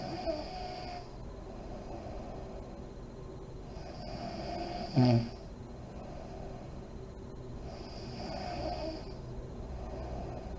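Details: Soft, slow snoring breaths about every four seconds with a brief louder snort midway, recorded from a mother in deep REM sleep with lights on; an ASMR snoring recording that also features deep breathing and lip blowing.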